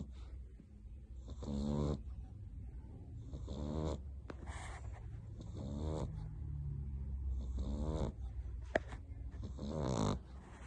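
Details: Sleeping puppy, a French bulldog, gives five loud, buzzing snores, roughly 28 a minute, over a low steady hum: snoring.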